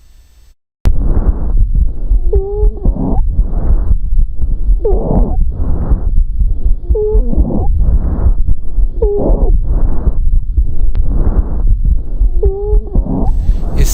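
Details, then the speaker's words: Recorded wheezes: repeated breaths carrying high-pitched, musical whistling tones, characteristic of smooth-muscle bronchospasm in an asthma attack. "os sibilos são característicos da crise de asma os sibilos são característicos do broncoespasmo da musculatura Lisa que está presente em crise de asma"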